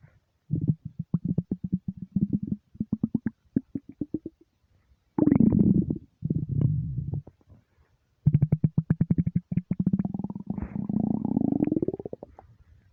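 Deep, drawn-out gurgling rumbles with bubbly pulsing, in several long runs: ordinary stomach rumbling from an empty stomach.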